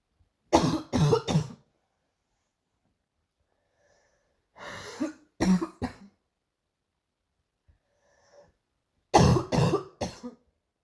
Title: another morning cough